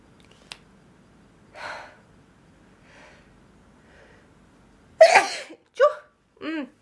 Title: GIRL SNEEZING PART 2!